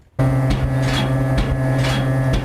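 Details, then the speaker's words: External counterpulsation (flow therapy) used for cardiac and long COVID patients: steady mechanical hum with rhythmic whooshing pulses about every 0.9 seconds as leg cuffs inflate in time with the heartbeat. "This is the sound of healing. Flow therapy, typically used for cardiac patients, is now being used for people with long COVID."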